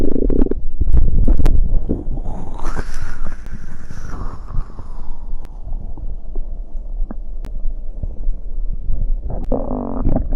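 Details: Stomach growling after drinking cider: loud gurgling and rumbling from the belly with a long drawn-out growl; bowel sounds (borborygmi).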